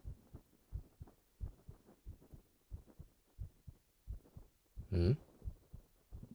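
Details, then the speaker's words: Man's heartbeat, recorded with binaural 3Dio microphone, in a role-play with partner lying on him: regular low thumping about 100 beats a minute, one brief louder rustle; fast but steady heartbeat. "心音早いよって。そりゃ彼女が覆いかぶさってたらドキドキするよ普通。"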